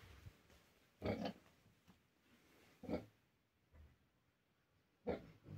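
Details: Pig (Vietnamese pot-bellied type) snoring: three short, rough, low snorting bursts about two seconds apart over a quiet background, fitting a sleeping pig's snoring.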